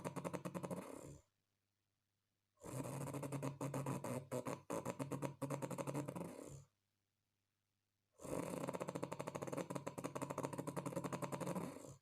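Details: Very heavy snoring from a Chinese man, described as the loudest snore in the world: loud, rough, fluttering snores in long bursts with silent gaps between them.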